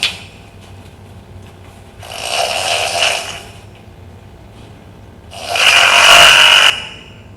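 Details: Snoring with obstructive apnea during drug-induced sleep endoscopy (DISE) in a sedated patient: two loud harsh snoring breaths separated by quiet pauses as the obstructed airway lets air through again; oxygen saturation about 82–84%.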